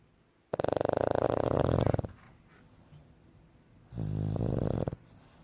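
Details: Snoring from a sleeping pug: two loud, rattling snore sounds in a quiet room, a long vibrating breath in and a shorter one after.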